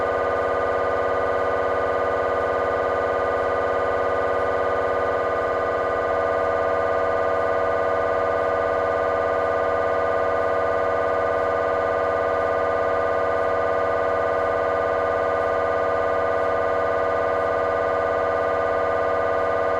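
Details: Loud steady buzzing drone with fast regular pulsing: a GE 3T MRI scanner running a T1 fast spin echo sequence during a petrous bone (Felsenbein) exam.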